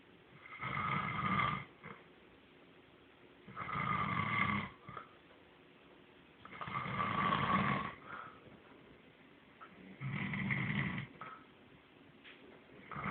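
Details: Regular, rough snoring on each in-breath, about 19 breaths a minute, with quiet pauses between snores; snoring.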